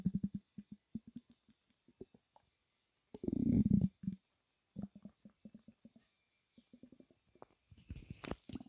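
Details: Loud, non-stop stomach rumbling with background music: frequent gurgling and bubbling pops with one longer rumbling burst, nearly continuous; active bowel sounds, normal borborygmi.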